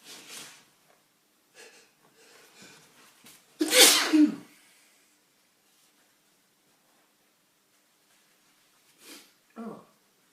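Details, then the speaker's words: Adult male sneezing after deliberately inhaling detergent powder, with intense nasal itching: a loud, explosive sneeze with a short breathy lead-in and faint sniffs and breaths around it, in a quiet room. "It's working. It's making me sneeze. Sneezing's intense."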